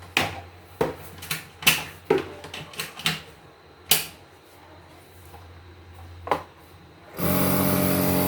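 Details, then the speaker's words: Omron NE-C28 compressor nebulizer switched on: handling clicks, then a steady, fairly quiet motor hum with little vibration, described as much quieter than usual nebulizers; running normally. "कि अलग ही काफी silent है और काफी silent है आवाज इसकी normal NAAC blouse से काफी कम है आंवले के बराबर है है और वाइब्रेशन बीच के अंदर बहुत कम है"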